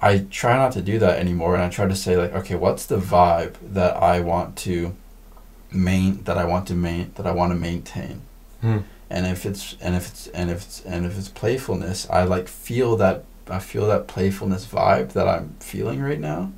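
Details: Stuttering in a podcast guest who stutters, with part-word and phrase repetitions.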